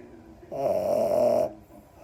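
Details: Napping French Bulldog puppy, a brachycephalic breed: a single loud, rattling, buzzy snore lasting about a second.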